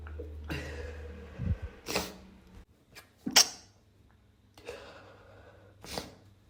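Several short, muffled sneezes held back to stay quiet, with small catches of breath between them.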